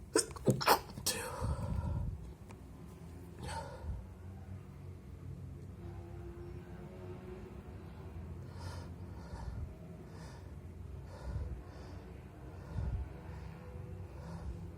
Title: very wet sneezes + nose blowing on kleenex